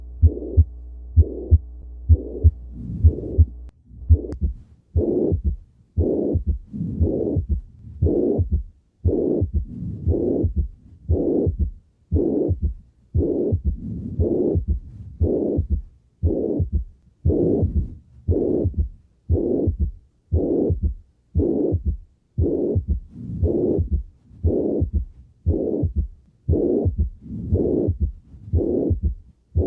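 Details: Steady heartbeat near 58 a minute with a long blowing holosystolic murmur of mitral regurgitation plus a third heart sound, giving a gallop rhythm.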